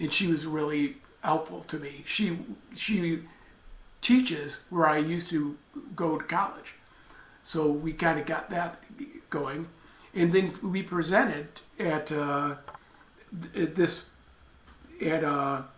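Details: Aphasia with apraxia of speech in a mother who had a stroke at age 45 and speaks Marathi, Hindi and English; her words sometimes come out mixed across these languages.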